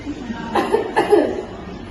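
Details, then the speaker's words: Nursing education on effective coughing for an adult female patient, to expel phlegm: breathe in, hold three seconds, then cough out; two strong, deliberate cough bursts after a held breath; voluntary effective cough demonstration. "yang ketiga itu tarik napas tahan selama 3 detik lalu keluarkan keluarkan ya"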